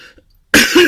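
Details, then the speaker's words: Deliberately performed cough in a parody song by an adult who reports a cold from air conditioning: a brief near-silence, then one loud, harsh, voiced cough burst with a second push. "i am coughing i am coughing might be dying from the plague i am coughing i'm coughing spitting my germs in your face"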